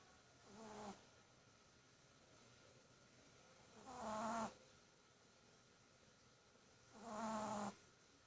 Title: snoring chi